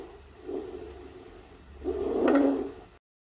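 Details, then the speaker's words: Educational example of stridor: a harsh, high-pitched, predominantly inspiratory musical noise, louder on the second breath, indicating laryngeal or tracheal obstruction; often audible without a stethoscope, mainly over the neck and upper chest. "Já o estidô é um sinal de alerta. Ele indica obstrução da larinja ou da traqueia. é predominantemente inspiratório e pode ser ouvido até sem estetoscópio, principalmente no pescoço e na parte superior do tórax."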